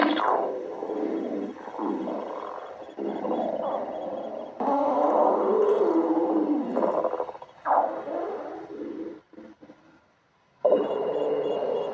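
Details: Cartoon stomach growling of the character Starfire, clip 19: loud, drawn-out gurgling and rumbling with rising and falling squeaky sweeps, a brief near-silent gap, then more rumbling.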